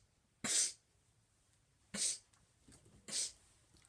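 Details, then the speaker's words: A person with Tourette syndrome makes four sharp, abrupt sniffs at uneven intervals. This is a sniffing tic that can combine with other tics into a complex motor tic and is usually done four times. "this is called a complex motor tick which means that involves more than one thing like you got to do several ticks at once so this the sniffing is a tick"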